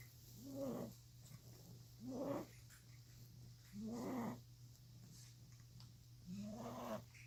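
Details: Female pet, probably a dog, breathing noisily, often after drinking water: four rhythmic grunting, snorting noises about every 1.5 seconds over a steady low hum; congested-sounding breathing.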